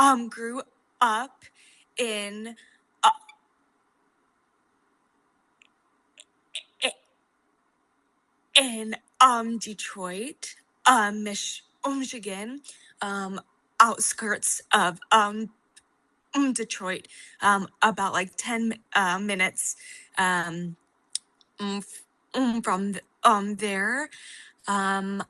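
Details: Adult woman who has stuttered since age 4 (fluency disorder); part-word repetition and a long block, stuttering.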